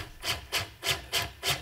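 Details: Corpuls cpr mechanical chest compression device running during a function test of the arm, not on a patient: regular rasping mechanical strokes about every 0.3 seconds, near 100 a minute.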